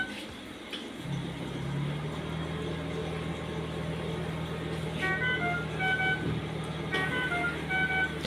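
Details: Covidien Puritan Bennett 980 ventilator in a demonstration: repeating electronic alarm tones over a steady machine hum, with the alarm intensity rising gradually, signalling that attention is needed.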